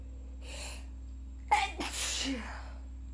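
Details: A breath in, then an abrupt explosive burst with a trailing voiced release, from a person with a cold on its worst day: a forceful sneeze.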